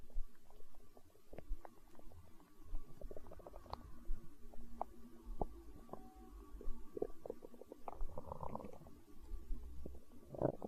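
Low, irregular gurgling and rumbling from the belly: ordinary stomach growling, bowel gas and fluid moving.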